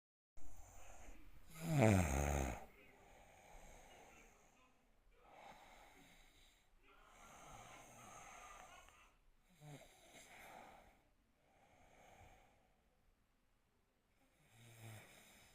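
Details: Adult man fast asleep, filmed by his wife: one loud rattling snore burst, then quieter irregular snoring breaths with soft snorts; snoring during sleep.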